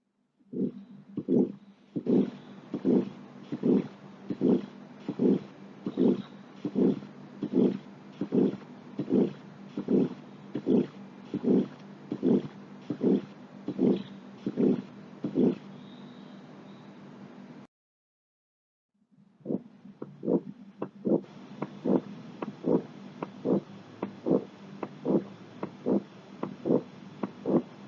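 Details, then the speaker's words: Heart murmur on auscultation in a cardiovascular physical exam teaching demo: regular heartbeat about 76 per minute with a continuous whooshing noise filling the gaps between beats. "Jadi kita dengarkan dengan baik murmur jantungnya, kemudian kita deskripsikan bagaimana bunyi murmur tersebut."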